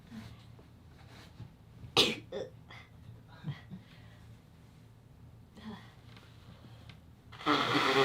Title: sneezing2 short HD